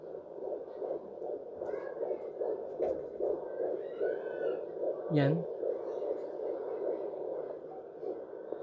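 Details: Rapid, regular whooshing fetal heartbeat, about 145 a minute, a normal rate, heard on a home Doppler at 14 weeks 5 days of pregnancy: fetal heartbeat.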